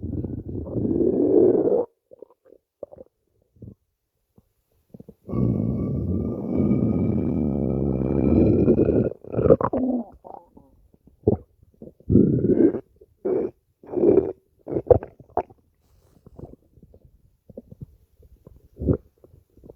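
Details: Low gurgling rumbles and a long, rising, whining growl from a woman's stomach after skipping breakfast, typical of hunger; borborygmi.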